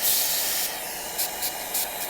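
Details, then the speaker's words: Dental lab training on an ivory tooth, T-shaped cavity preparation: after the pilot hole is drilled and water is suctioned, an air-water syringe gives a loud hissing blast of air, then several short puffs, to dry the cavity. "and water syringe to blow air"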